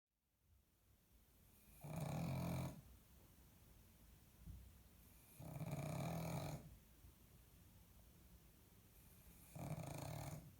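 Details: Pug dog snoring while asleep: loud, rattling, low snores on each in-breath, about 16 a minute, with quiet out-breaths.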